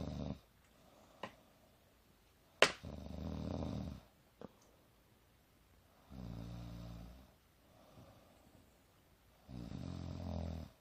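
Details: Young woman snoring during sleep: low, buzzing, rattly breaths in irregular bursts with quiet gaps between them.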